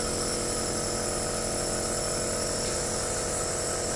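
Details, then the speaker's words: Omron NE-C28 compressor nebulizer running, a steady loud mechanical hum with a fast pulsing buzz; the patient inhales the vapour until the liquid runs out. This is the normal operating sound. "nanti ketika dinyalain si penderitanya itu disarankan untuk menghirup uap yang keluar dan untuk indikator sampai berapa lama ini kalian bisa lihat kalau cairannya udah habis ya berarti distop ya teman-teman"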